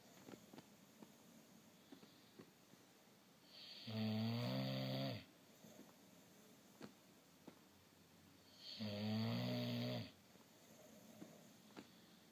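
Two long, rattling, buzzy snores about five seconds apart, separated by quiet breathing; snoring.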